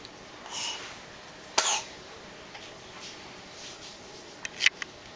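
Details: Baby boy sneezing: a small sharp sneeze burst followed later by a couple of soft huffs in a quiet room; sneeze.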